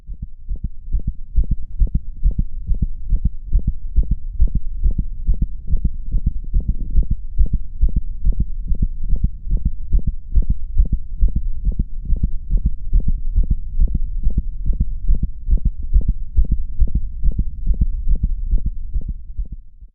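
Rapid, regular dog heartbeat with an extra short sound between the first and second heart sounds: a systolic click.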